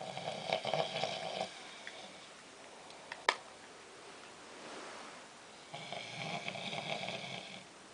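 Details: Adult snoring: harsh, rattling snores on the breath, two long bouts separated by a quiet pause with a brief sharp knock.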